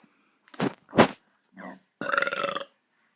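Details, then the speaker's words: Voluntary burp recorded after drinking a fizzy drink: a few short gulping sounds followed by one drawn-out, rumbling belch. "that's my burp that was my end do a really silly video on a bath it's so silly but like i'm just like i couldn't think of what to record so i just decided to record a bat because i just drank a fizzy drink"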